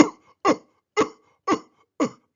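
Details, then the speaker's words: Imitated croup cough: five short, harsh, seal-like barking coughs at a steady half-second rhythm, showing croup's characteristic cough from an inflamed, narrowed airway. "the thing that's very characteristic about crew is once you hear the cough you never forget it it sounds like a seal"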